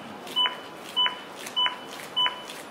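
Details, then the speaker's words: AED Plus metronome during CPR demonstration: evenly spaced electronic beeps, about 100 a minute, pacing chest compressions at 100 to 120 per minute, 5 to 6 cm deep. "Khi chúng ta nghe tiếng beep, tức là tần số ép để đảm bảo 100 đến 120 nhịp một"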